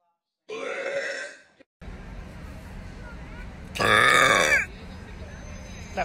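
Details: Burp: a loud, drawn-out, rumbling belch about a second long, with faint speech before it and background hum. Burping.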